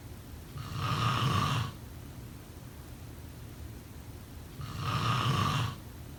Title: Snoring sound …